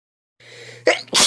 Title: Me sneezing part 2